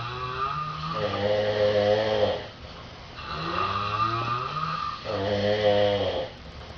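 Loud, rattling, buzzy snores on each breath in, with quieter pauses between, about two snore cycles in seven seconds.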